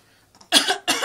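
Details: Two short, dry, forced coughs made on purpose by a mother to make her 3-month-old baby laugh; voluntary cough, not illness.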